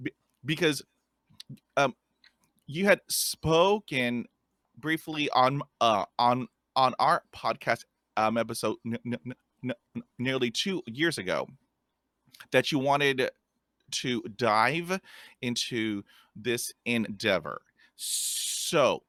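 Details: 50-year-old adult man who stutters, describing blocks and a speech impediment; repetitions such as "this this this"; stuttering.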